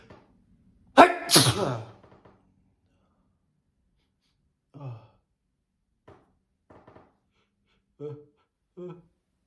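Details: One loud, explosive adult sneeze with a sharp intake and burst, then several soft, short voiced breaths, part of a series of four big sneezes.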